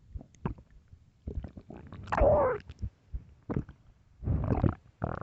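Loud, low gurgling and rumbling bowel sounds in several bursts: stomach growling from hunger, a normal finding.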